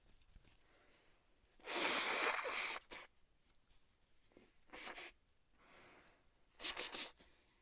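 Three loud hissing bursts, each a sudden forceful blast of air through the nose and mouth; repeated sneezing in a quiet setting.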